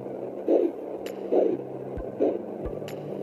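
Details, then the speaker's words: Slow, regular whooshing pulses at about 70 a minute over a steady hum on a fetal Doppler on a pregnant belly; the mother's own heart rate of 60–100 bpm, not the baby's; maternal heartbeat on fetal Doppler. "so the first heart rate that you make here is going to be between 60 and 100 beats per minute now that's not the baby that's you"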